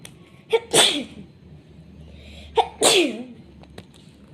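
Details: Cat sneezing: two quick, hissing sneezes about two seconds apart, each preceded by a short intake of breath.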